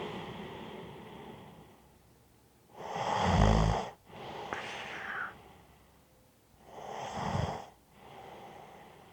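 Slow, rough snoring on breathing in, with a faint whistle on some breaths out.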